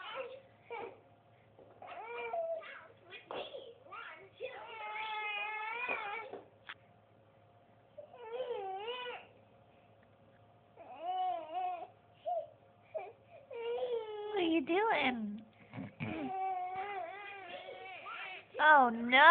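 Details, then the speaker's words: 6-month-old girl crying during tired tummy time: fussy, whiny infant crying in repeated bursts with pauses between, in a quiet room; infant cry. "oh no oh you're so sad oh man oh no baby girl"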